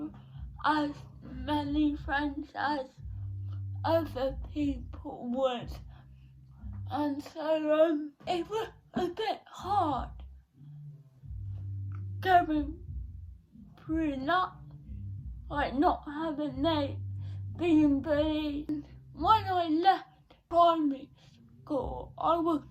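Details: 17-year-old female with cerebral palsy since birth, diagnosed at 14 months, affecting her speech, speech therapy from an early age; dysarthria (cerebral palsy).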